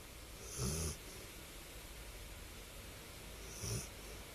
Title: Snoring dog